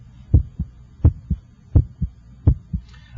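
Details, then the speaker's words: Normal heart sounds at the apex through an electronic stethoscope, S1 timed against the radial pulse: regular lub-dub at about 83 a minute with the first sound louder, as expected apically. "i can hear your first heart sound and i can hear the second heart sound the first heart sound should have a louder quality in this apical position"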